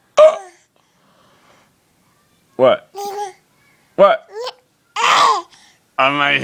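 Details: Hiccups in a series.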